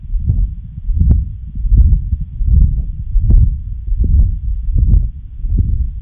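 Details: Heart murmur: low, regular heart sounds at about 78 beats per minute with a soft whooshing murmur between beats.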